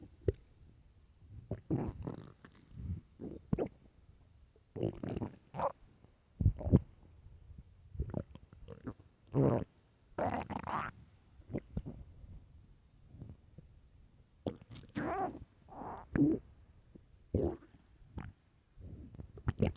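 Repeated gurgling, squeaky rumbles in bursts separated by quiet gaps; loud hunger-related stomach growling.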